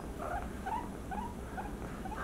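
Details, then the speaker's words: Repeated short, high distress squeaks from a guinea pig during stethoscope auscultation as its rib cage is pressed, painful on both sides; fast heart rate, wheezing suspected from lung fluid, possibly blood from trauma; pain vocalization. "now i press the rib cage so the pain is definitely on both sides okay so quick of auscultation steroscope i can hear the cries there"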